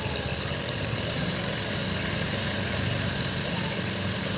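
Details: Nebulizer compressor running during nebulization of a baby with cough and cold: steady, loud mechanical hum and buzz, no breathing or coughing heard.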